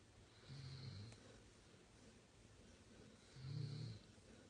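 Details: A Labrador Retriever puppy and a Weimaraner, two dogs, snoring: two soft, low, rumbling snores about three seconds apart over steady background hiss.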